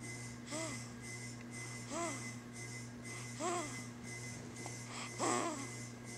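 Short rising-and-falling whistling squeaks about every 1.5 seconds over steady room hum, fitting a whistling snore on each breath.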